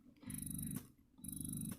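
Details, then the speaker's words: Spectra S2 Plus electric breast pump: two rhythmic cycles of soft, low whirring with a faint hiss; quiet pump operation. "I also liked how quiet it is if I turn it on this is the lowest setting that you would use before your let down so you can hear just barely humming there"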